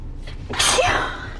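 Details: Adult woman's single forceful, uncovered sneeze with a short inward breath before the burst, filmed at close range; ordinary sneeze.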